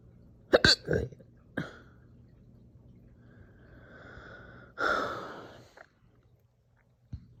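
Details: Slow, forceful hiccups with throaty burps and a drawn-out belch after breakfast in the morning, painful to the person; hiccups with belching.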